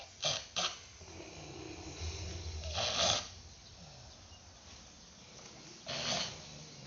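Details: Irregular snorting, rattling snores with short noisy bursts between quieter breathing, from a humorous compilation of snoring types.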